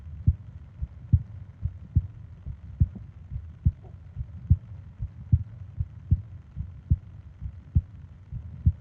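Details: Steady, regular lub-dub heart sounds at about 70 beats a minute with a faint low hum, from a 20-minute ASMR sleep recording of heart and breathing sounds; normal resting heartbeat.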